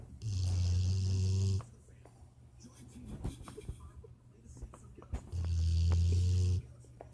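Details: Two long, loud, low rumbling snores with a rasping, mechanical breathy quality likened to Darth Vader's breathing, separated by a quiet pause with faint room noise; snoring.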